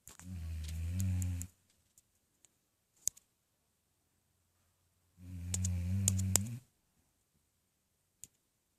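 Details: Female basset hound asleep on owner's lap: two long, loud, low rattling snores on inhaling, with quiet pauses and faint clicks between; snoring starting almost immediately after she falls asleep.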